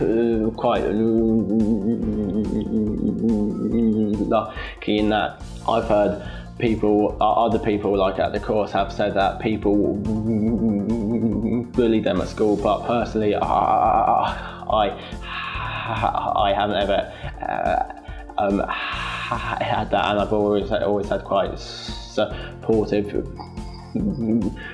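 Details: 16-year-old from London attending a stammering therapy centre, with a stammer for about 10 years that started at age 8; stammering.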